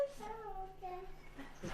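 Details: Child with autism showing immediate echolalia, repeating an adult's words, including a greeting with his own name, right after hearing them.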